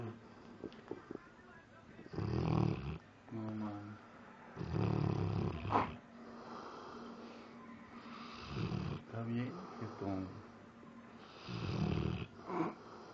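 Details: Sleeping Labrador Retriever dreaming, with twitching described as like convulsions and moving eyes: low rumbling snores recurring every few seconds, with faint voices in the room; snoring.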